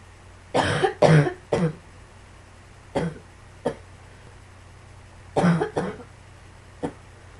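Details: Repeated coughing in irregular clusters, about eight coughs in seven seconds, over a low steady background hum; cough.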